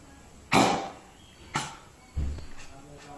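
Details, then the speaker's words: A dog with chronic airway disease, not coughing on its own, coughs in a few harsh bursts when the vet palpates the trachea; a cough induced by tracheal palpation. "we just need to add a little bit of pressure to the chest or by palpating the trachea to add the extra stimulus that will cause coughing and we will see it in this video"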